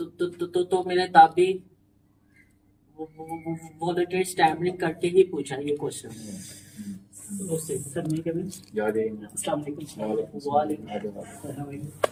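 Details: Male participant in a stammering support session deliberately stammers, including his feared words, as a therapy technique at the trainer's request; voluntary stuttering.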